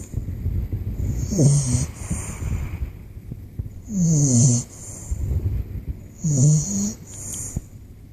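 Three rough, rattling snores about every two and a half seconds, with soft noisy breaths between, typical snoring of a flat-faced puppy.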